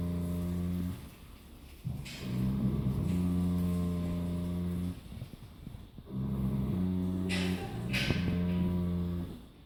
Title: Incredible snoring Friesian horse!!